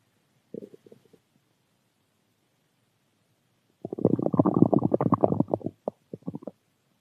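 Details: Stomach growling: a brief gurgle, then a loud two-second rolling growl and a few trailing bubbles; normal borborygmi.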